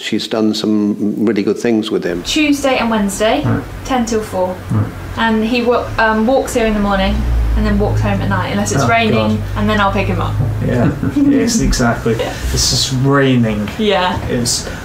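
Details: Adult speakers in conversation; conversational speech.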